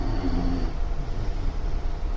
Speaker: My my dog's snoring if you can hear him.